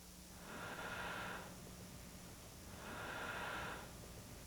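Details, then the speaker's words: Mechanical ventilator on a long-term ventilated man with alopecia after an accident, heard during a pause in talking: two rhythmic whooshing breaths at a steady machine pace against quiet room noise. "I can hear the ventilator. Right, so let's just not talk for a second and hear it. You'll hear a whoosh in the back."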